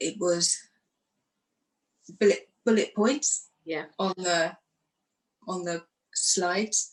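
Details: Aphasia in a woman who lost her speech after a stroke following surgery in 2018, aged 44, and went through rehab.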